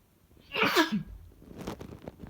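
One strong explosive sneeze with a sharp inward breath and forceful burst, followed by quieter breathing and room noise.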